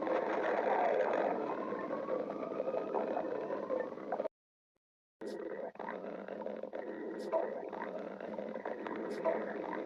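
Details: Stomach growling (borborygmi): sustained gurgling, rumbling abdominal noise with a brief silent break and a few clicks.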